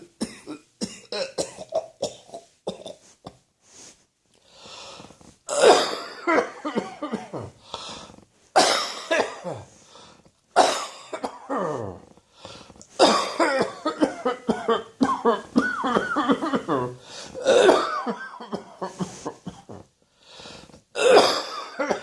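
Repeated harsh coughing in bouts with brief pauses, a cough from allergies.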